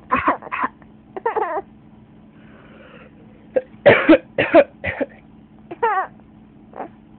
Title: coughing is funny